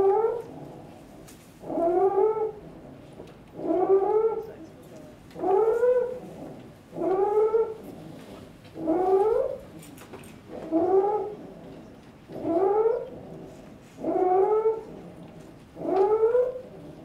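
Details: Child with noisy breathing: stridor judged biphasic, with apnea and fairly musical.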